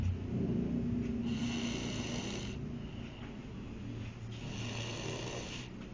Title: Oh yes, you don't snore baby! :)